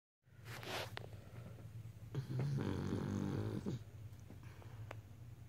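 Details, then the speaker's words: Sleeping beagle snoring: low rumbling, snorting breath sounds with faint room noise, possibly snoring itself awake. "You snore yourself awake?"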